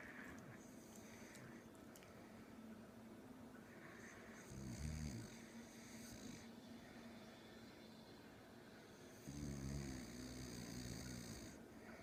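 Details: Two low, rough rattling breaths about five seconds apart over quiet room noise from a mother in the evening; snoring.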